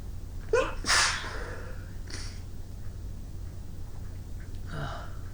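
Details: A sharp indrawn breath, then a loud explosive sneeze and two softer sneeze-like bursts after shoveling snow in winter; runny nose afterward; ordinary sneezing.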